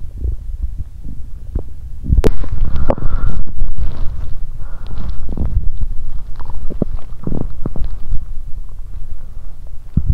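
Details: Active bowel sounds from an adult woman's abdomen on day two of her period with abdominal pain: low gurgling rumbles and irregular squelching pops, with a louder churning stretch mid-clip.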